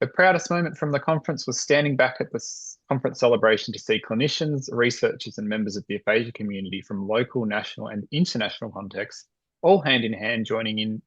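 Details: Adult speaker; Normal speech.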